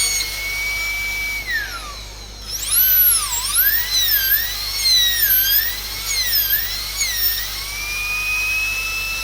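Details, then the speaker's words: Dental drill whining, pitch dipping under load, as the bur at 45 degrees bevels the occlusal margins so the inlay edge is knife-edged or burnished to tooth, in an inlay cavity on a maxillary first molar. "So keep the burr at 45 degrees to the occlusal surface and just give a bevel all over the occlusal margins. This is done so that the adaptation of the inlay is knife edged or properly burnished to the tooth surface."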